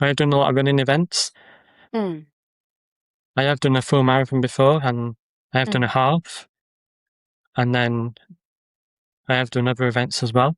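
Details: Adult man with a stammer who uses social media videos to build confidence; stuttering.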